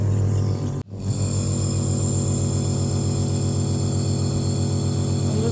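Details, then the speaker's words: Compressor nebulizer main unit switched on with the nebulizer kit and mouthpiece or mask attached, producing fine mist: a click, then a loud, steady buzzing motor hum with rapid pulsing. "Setelah dirasakan alat bagian nebulizer kit-nya eh cukup, kita akan menghidupkan pada main unit."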